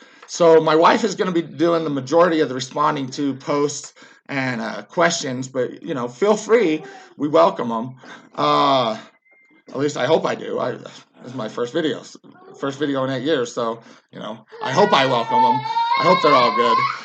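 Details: Vocal tics with word repetition in an adult man, a former soldier, with Tourette syndrome that got much worse after military service; he also yells and jerks.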